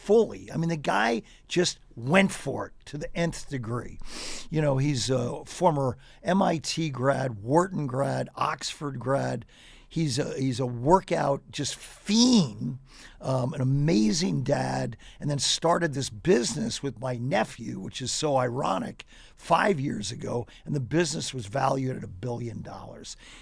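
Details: Adult man with ALS diagnosed four and a half years ago, advanced and nearing end stage, paralyzed from mid-throat down; speaks using a ventilator to inflate his lungs for some voice; dysarthria in amyotrophic lateral sclerosis.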